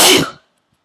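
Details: Self-induced sneezing with a plastic tag holder, one of 16-17 forceful sneezes, eyes streaming: one sudden, forceful explosive burst of air quickly fading to silence; strong sneeze.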